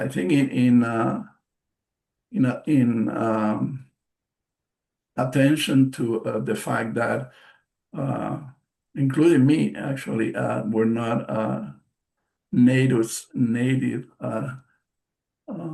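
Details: Man, a stroke survivor with post-stroke aphasia, speaking during a presentation; word repetitions and self-corrections are audible; aphasia.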